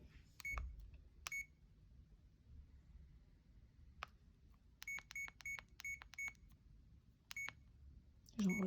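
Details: Short high electronic beeps, single and in quick runs, as keys are pressed programming a CADD infusion pump in PCA mode during a training tutorial, entering continuous rate and bolus settings in a quiet room.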